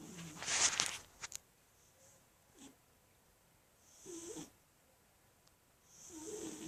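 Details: Sleeping animal snoring: soft, airy snuffling snores with a whistling, nasal edge, repeating every few seconds over quiet room noise.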